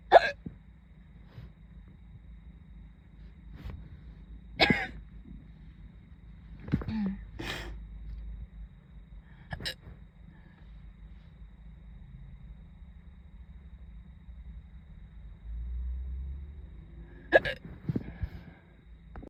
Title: hiccups before school (again)